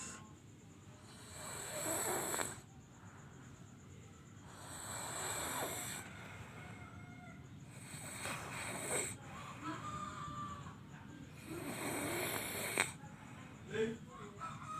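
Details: Sleep snoring: soft, irregular snores with breaths about every three to four seconds over a noisy room.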